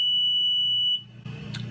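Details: Philips Respironics EverFlo 5 L oxygen concentrator switched on: a steady high-pitched beep of about a second, then the low hum of the machine starting up.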